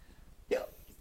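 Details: Simulated (fake) hiccup performed for a laughing 3-month-old baby: a single brief, abrupt voiced catch of breath against quiet room noise; hiccups.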